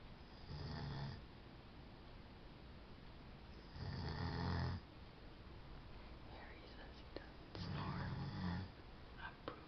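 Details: Adult man asleep at 7:30 am on his honeymoon, who denies snoring: three loud, low rumbling snores about every three and a half seconds, roughly 17 breaths a minute, over faint room noise; snoring.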